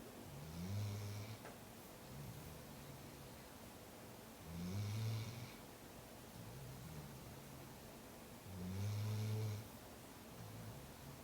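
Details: A Labrador lounging asleep on a couch snores: low rumbling snores on each breath, about 14 a minute, with quieter exhales between, over steady room noise.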